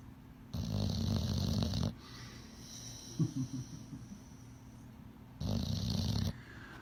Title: My little buddy sure did snore 💤